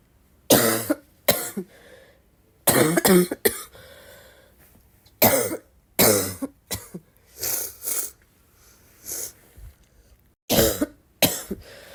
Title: I woke up coughing like this